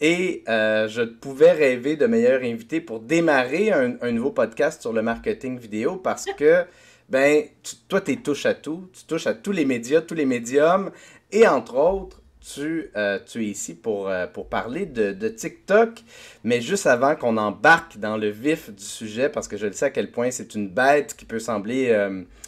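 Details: Adult speaker; Typical speech.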